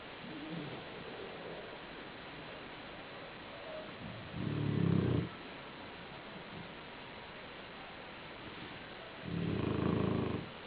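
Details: Sleeping black shar-pei dog on a pillow snoring: two low, rattling snores about five seconds apart with quiet breathing between.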